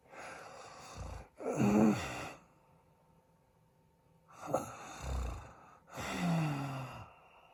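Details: Husband snoring in his sleep, said to stop breathing: loud, rough snoring bursts with a brief quiet gap between them, a pattern linked to sleep apnea.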